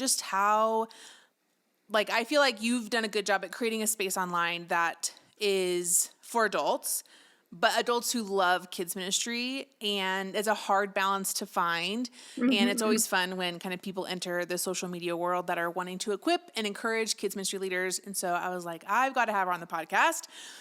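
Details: Adult woman speaking; typical voice.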